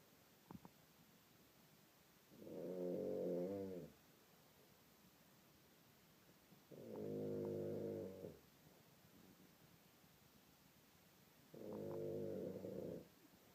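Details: Loud, rumbling snores on each inhalation, about 13 breaths a minute, with quiet pauses between; heavy sleep snoring from an adult man (the recorder's father) in a hotel room.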